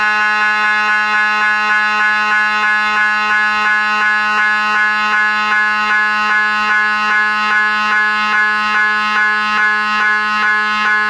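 Loud steady electronic tone with regular rapid knocking pulses, about 150 a minute: typical MRI scanner gradient noise.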